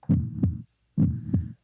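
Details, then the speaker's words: Fetal heartbeat heard on an ultrasound machine placed on the pregnant partner's belly in a quiet room. Two deep whooshing thumps, the rhythmic boom-boom pulsing of a fetal heartbeat. "until I went in with Crystal and they put that machine on Crystal's belly, and it was quiet in the room, and you just heard boom, boom, boom, boom."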